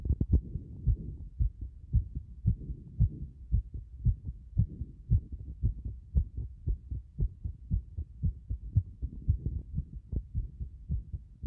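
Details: Heart sounds at roughly 110 a minute with uneven spacing, some beats early or dropped; frequent irregular heartbeats, an arrhythmia.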